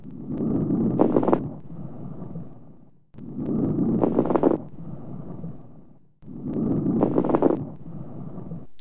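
Three noisy breath cycles, about 20 a minute, with loud low bubbling crackles through each inspiration.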